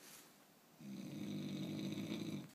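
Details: Heavy snoring from someone sleeping next to the recorder: a loud, rough, rattling snore on a long in-breath, recorded close by in a quiet room.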